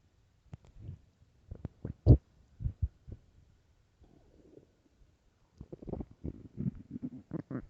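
Soft, low gurgles and bubbling rumbles come in irregular bursts: ordinary stomach growling on an empty stomach.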